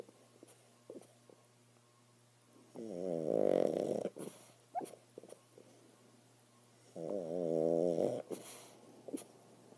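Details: Pug dog asleep, owner thinks he is dreaming: loud rattling snores with each breath in, about every four seconds, with small snorts and clicks between; snoring in a sleeping flat-faced dog.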